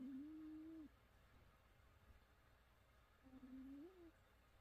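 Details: Sleeping cat snoring: soft, whistling, tonal snores on two breaths in a quiet room.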